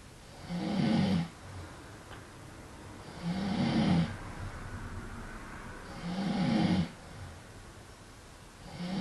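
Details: Man snoring; he claims he isn't asleep. Deep, rattling snores on each breath in, about 20 breaths a minute, with quieter breaths out between them.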